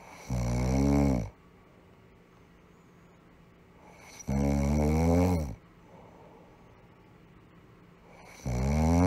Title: Snoring Sound Effect - Free Download.